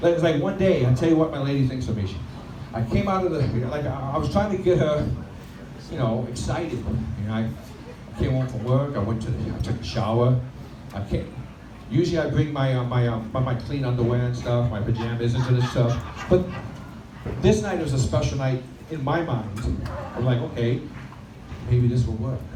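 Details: Stuttering in an adult man, present since childhood, after 15 years of speech therapy; he reports it is milder on a microphone and worse when nervous, with vowel-initial words, especially 'I', hardest. Recorded during a live stand-up performance on a microphone.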